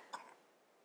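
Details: Single brief, faint cough from the speaker's young child some distance away in the background of a quiet room.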